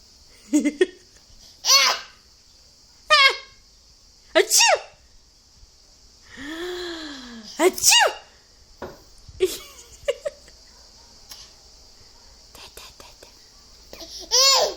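Repeated playful fake sneezes by an adult, each followed by an infant's squealing laughter; imitation sneezing, not a real sneeze.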